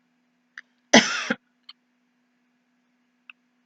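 One short, harsh cough burst from an adult, an acted example of an ordinary single cough.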